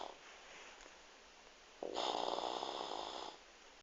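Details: Mother snoring: one loud, rattling snore lasting over a second after a quiet pause; ordinary snoring.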